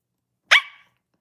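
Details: Young woman with Tourette syndrome during a late-night livestream, chatting with viewers: a single sudden, loud, bark-like vocal burst; a simple vocal tic.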